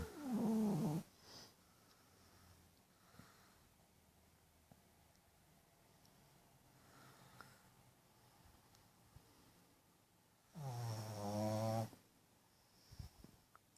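Two loud, rough, snorting breaths about ten seconds apart from a sleeping puppy, with quiet breathing between: snoring.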